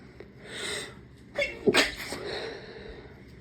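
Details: A quick in-breath, then a sharp explosive sneeze with a breathy trailing exhale; sneeze induced by tickling the nose with a rolled-up tissue.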